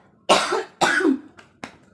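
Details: Two strong, harsh coughs followed by two shorter ones: a stubborn cough that has lasted almost a month without getting better, recorded before traditional kerokan (coin-scraping) treatment.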